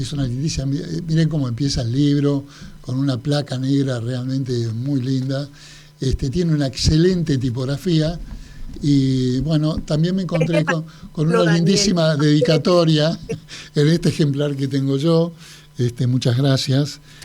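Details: Adult man speaking Spanish; Normal speech.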